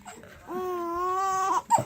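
A single sustained, steady-pitched wailing vocal from an infant, lasting about a second, followed by a brief catch; an infant cry.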